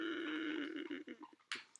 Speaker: the hallmark of COPD exacerbation is wheezing and you'll know it when when you hear people who have this when they exhale it sounds like we do